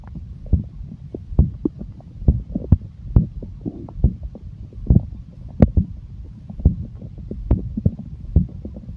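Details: Stomach growling (borborygmi): continuous low rumbling with irregular gurgling pops, ordinary stomach growling.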